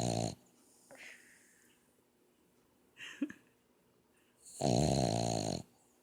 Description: Our Boston terrier asleep and snoring loudly